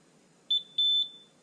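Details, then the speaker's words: A short high-pitched beep, then a longer one: low temperature alarm of a BW685 blood and fluid warmer in service mode, triggered as temperature falls to 36.5°C. "When the temperature goes below 37 degrees, the low temperature LED will flash to notify the user of a low temperature alarm."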